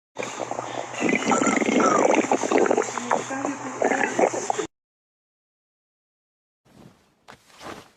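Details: Stomach growling (borborygmi) in a person whose belly needs more food.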